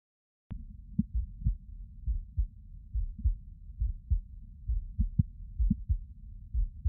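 Soft, low, regular lub-dub heartbeats at about 68 a minute, heard through a stethoscope.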